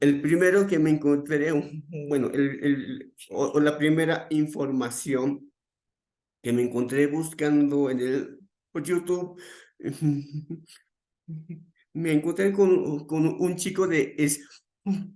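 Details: Stuttering in an adult man, onset around age 7 and more noticeable from about age 11; he says it is uncontrolled on the day of the talk; real speech with repetitions.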